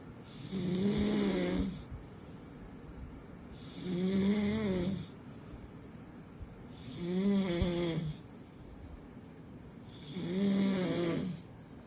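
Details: Regular, soft nasal snores from a sleeping puppy, about 19 breaths a minute, each a steady buzzing inhalation; snoring.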